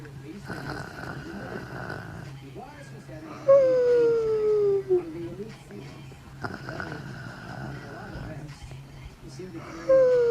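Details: Destiny snoring while taking a nap after a long day; snoring.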